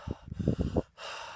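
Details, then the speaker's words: Imitated deep open-mouth breathing, shown for lung auscultation teaching because mouth breathing lowers airflow turbulence: a few low snorting breath pulses, then a steady airy inhalation. "profundamente con la boca abierta porque así el aire entra de una forma más suave eh Y no tiene las turbulencias que produce el que la introduzcas por la nariz"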